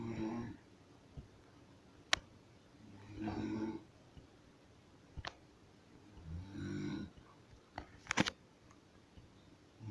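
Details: Rough rattling snores about every three seconds from the recorder's sleeping mother, with sharp clicks and small knocks in a quiet room; ordinary adult snoring.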